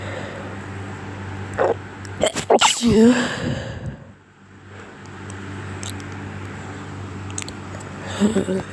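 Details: Repeated sneezing while sick: a couple of sharp sneeze bursts with gasping intakes over a steady background hum.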